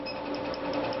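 Steady rapid buzzing with faint regular snapping pulses from a picosecond laser firing at a tattoo to break up the ink.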